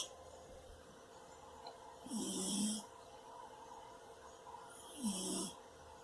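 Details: Cat snoring while asleep on a bed: two soft, low rumbling inhaled snores with a hissy edge, about three seconds apart, over quiet room noise; ordinary snoring.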